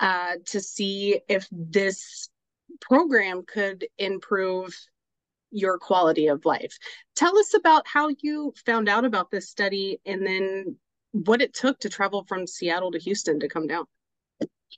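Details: Adult interviewer; normal speech.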